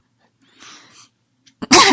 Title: Two weeks baby sneezes